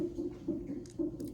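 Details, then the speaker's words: Fetal monitor at 37 weeks, after waters broke, mother lying in bed after her 3rd medication dose with contractions every 5-6 minutes: rapid rhythmic whooshing pulses of the baby's heartbeat, roughly two beats a second. "I just took my 3rd dose of the medication and I'm being monitored. You can probably hear baby's heart beat."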